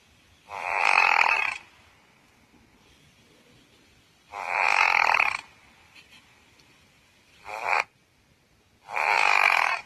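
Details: Pekingese dog snoring: four loud, rasping, snorting breaths about every three to four seconds, typical of a flat-faced dog snoring in sleep.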